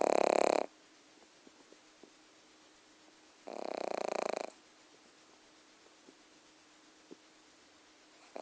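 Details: Pug dog snoring: loud, rattling snores about three seconds apart with near silence between.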